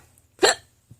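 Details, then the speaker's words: A woman with hiccups she links to stress, hiccuping while talking: a single abrupt, sharp hiccup with a brief voiced catch, followed by a faint click. "I had one of my fans say that when he hears my hiccups it makes him want to uh hug"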